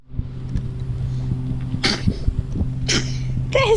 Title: 👶🏼 Baby Sneezes! Achoo!